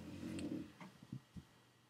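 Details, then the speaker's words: A sleeping dog snoring in the background: a low, rumbling snore, then a few short snorting breaths in a quiet room. "Ah, là vous entendez mon chien, il ronfle."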